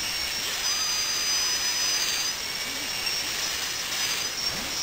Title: Sound Effects DENTIST DRILLING